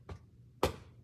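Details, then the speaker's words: Chest percussion (chest physiotherapy) by a physical therapy student in a skills check: cupped-hand percussion over the patient's right middle lobe area, followed by huff coughing. "is cup my hand like this and just do some percussion, and let me know if you have any discomfort, okay?"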